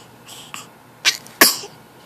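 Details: Infant sneezing: two short, sharp bursts of air, preceded by faint breaths, in a quiet room.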